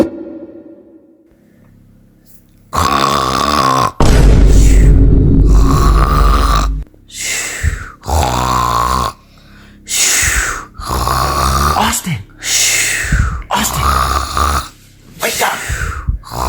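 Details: Acted comedy skit of a friend snoring: loud, exaggerated rattling snores in a repeating pattern with short pauses between them; simulated snoring.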